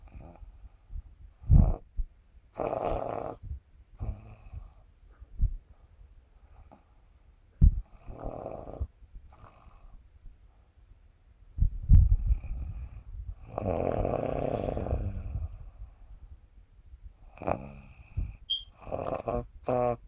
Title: snoring and playing tunes with her nose